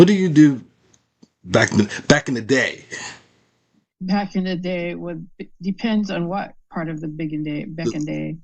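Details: Adult female stroke survivor with post-stroke aphasia and word-finding difficulties. Finding: aphasia.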